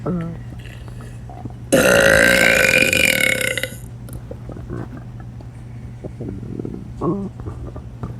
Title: Girl Burps For Tik Tok But Doesn’t Realise Her Stomach Growled As Well